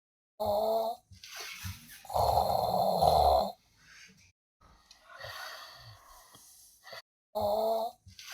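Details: Snoring in a short comedic clip: loud, rattling snores alternating with softer, noisy breaths.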